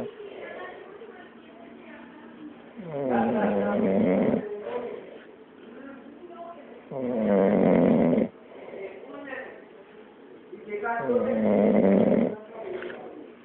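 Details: Regular rasping snores, about 15 a minute, each a loud fluttering inward breath with softer breathing between: snoring.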